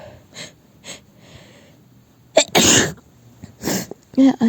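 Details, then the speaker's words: Acted sneezing scenario; sneezing all morning, not feeling sick, cause suspected as dust or a new air freshener: a few sharp in-breaths, then two loud explosive sneezes and a short voiced sound. "yeah cuz I keep sneezing all morning wait wait a second I think I need to blow my nose first"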